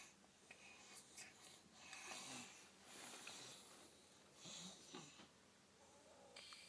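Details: Sleeper in otherwise good health with no cold or runny nose, snoring and stopping breathing; obstructive sleep apnea suspected. Soft, airy, whistling breath noises with a rough edge in a quiet room; light snoring.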